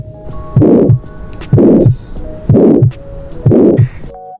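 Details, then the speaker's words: Adult heart murmur heard by stethoscope: a regular heartbeat near 62 a minute, with a loud whooshing from turbulent blood flow through the heart chambers or valves filling the gap between the two heart sounds. "Este es un sonido anormal que se escucha durante la auscultación del corazón utilizando un estetoscopio este sonido producido por un flujo turbulento de la sangre a través de las cavidades del corazón o de las válvulas cardíacas"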